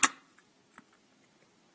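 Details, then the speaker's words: One sharp spring-loaded snap, then faint clicks, as a Medtronic MiniMed Quick-set infusion set inserter fires its needle into alcohol-wiped skin during insulin pump set change; infusion set inserter firing. "And then you're going to push in at the very end, pull out, and now you're going to have it's actually inserted."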